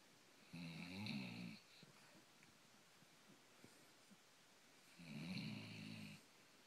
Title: Gracie's snoring and puppy slumber party